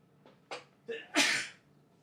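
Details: Sneeze.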